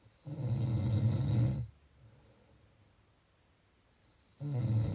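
Low, rattling snores on inhalation, with quiet pauses between them; snoring during sleep.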